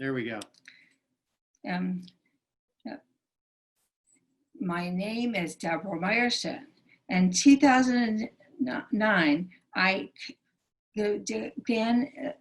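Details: Aphasia in a female stroke survivor, present since her 2011 stroke, which initially took away all her speech.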